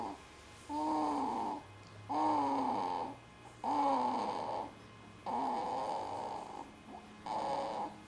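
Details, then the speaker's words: Snoring in sleep: regular droning, slightly whistling snores with quiet gaps, about 40 a minute; observer remarks he has been making the noise for about five minutes and seems out of breath. "oh you've been making that noise for about five minutes i think he's all out of breath oh oh"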